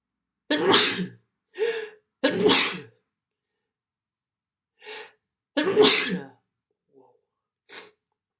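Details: A series of sharp sneezes in quick succession, with brief quieter sniffs and breaths between them; sneezing.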